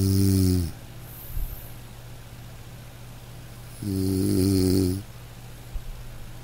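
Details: Adult man snoring in deep sleep: two loud, buzzing inspiratory snores about three seconds apart over a steady room hum.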